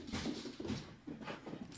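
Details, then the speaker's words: Female dog on day 4 of medication for kennel cough, said to be clearing up, gives a quick run of harsh, wet, hacking coughs. "I know that sounds horrific. I promise you. It's part of the process. It is clearing up. She's on day 4 of those meds, but I know it sounds absolutely horrific. Especially if you've never heard kennel co"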